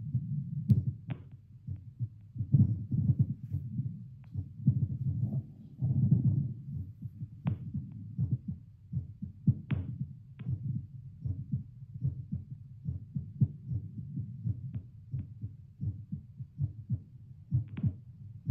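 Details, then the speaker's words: Adult's own heartbeat at rest while seated, before 10 squats, played through a Littmann CORE stethoscope to a speaker, pulse oximeter reading about 78 bpm, after two cups of coffee; steady regular low thumps, normal resting heartbeat. "So continuing. Okay, so I'm hanging around 78. Fluctuates a little bit, but you know, as you do, hanging around 78."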